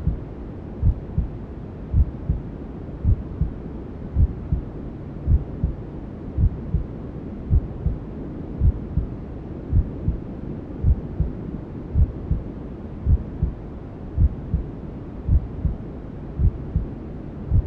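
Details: Newborn sleep-aid womb sounds: steady, slow, muffled maternal heartbeat at about 54 beats a minute over constant white noise hiss, with other sounds from inside the mother's belly.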